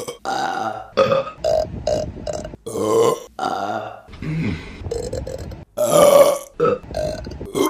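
A run of loud, drawn-out voiced belches with brief pauses between them: repeated burping.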